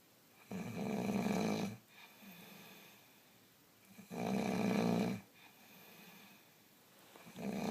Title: Orbs and snoring